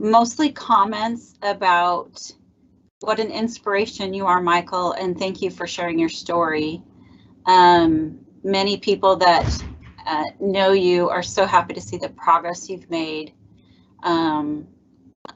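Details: Adult woman speaking; normal speech.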